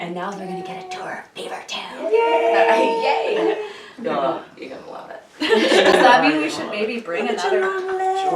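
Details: Adult speakers in conversation; normal speech.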